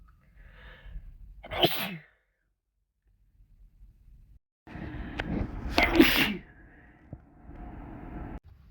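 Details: Sneezes while sick with a cold: two forceful sneezes, each with a quick intake of breath before a sharp burst, with low background rumble.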